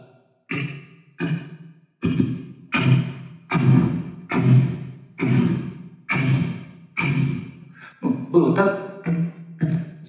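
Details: Vocal beatbox imitation of Korotkoff sounds during blood pressure measurement, demonstrating phase 2; Korotkoff sounds phase 2 (imitation).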